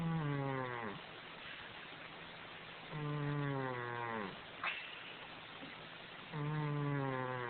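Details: Snoring in a sleeping fat cat: loud, tonal snores about 18 times a minute, each a droning sound sliding down in pitch, with quieter breathing between.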